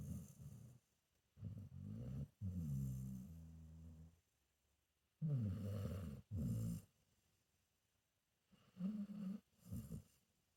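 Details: Senior pit bull mix dog snoring while sleeping: deep, rumbling, vibrating snores in irregular bursts, some drawn out, about 17 a minute.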